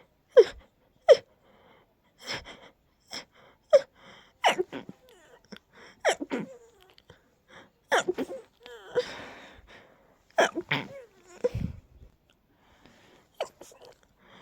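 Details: Very tickly sneezes held back, ending in a stifled sneezing fit: several sharp, forceful bursts in quick succession with catching breaths between them.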